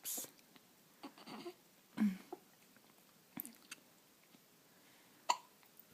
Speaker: hi munchkin you're awake and you got the hiccups